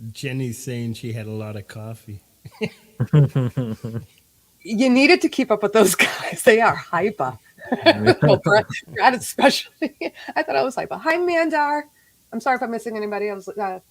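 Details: Adult woman; ordinary speech.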